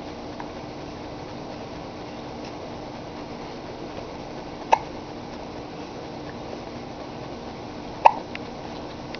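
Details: Young child playing in a highchair gets the hiccups: two abrupt, brief hiccups about three seconds apart over steady room hum.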